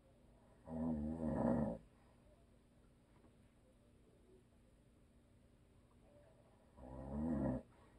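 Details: A husband who is a habitual snorer, asleep: two loud, vibrating, rumbling snores on breaths in, separated by a long quiet stretch.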